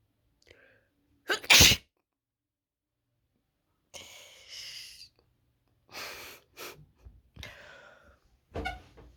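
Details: A loud, explosive, wet sneeze followed by sniffing and smaller bursts from a person with a wide nose, who afterwards says their nose hurts; wet sneezing.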